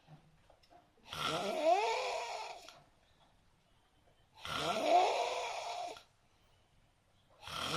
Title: Suara ngorok teraneh di dunia